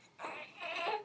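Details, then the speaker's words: Three-month-old baby boy crying hard, brief high-pitched wail in a small room; crying like crazy and nothing soothes him, parent suggests he might be gassy. "he was he's crying like crazy and nothing is soothing him"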